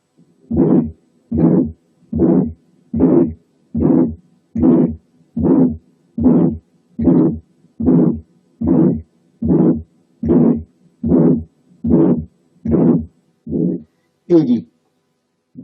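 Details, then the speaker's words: Ejection systolic murmur, somewhat longer than the previous example: regular heartbeat about 74 a minute with a rough, fairly long murmur between the heart sounds. "ايجكشن، وان كانت اطول شويه من اللي فاتت."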